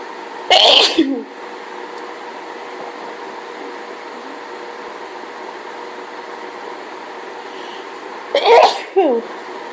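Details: Two forceful sneezes about eight seconds apart over a steady room hum, part of a run of repeated sneezing during a hay fever allergy fit; sneezing from allergic rhinitis.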